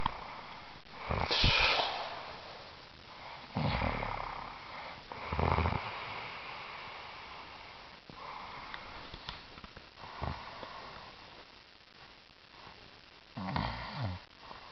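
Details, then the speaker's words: Man sleeping while camping in the Boundary Waters Canoe Area Wilderness, 2007: irregular rough, snorting breaths with quiet gaps between them; snoring. "Are you snoring at him? Mm-hmm. Are you gonna start snoring again? Mm-hmm."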